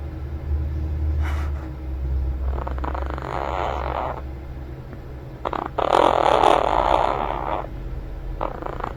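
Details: Quaker parrot snoring while dozing off at nap time; its naps are described as snores followed by some evil-laughing noises.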